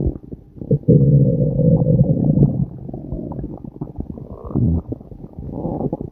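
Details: Stomach growling recorded the other day when the person was having long farts: loud low gurgling rumbles with bubbling pops and a drawn-out growl, ordinary borborygmi from gas and fluid moving through the gut.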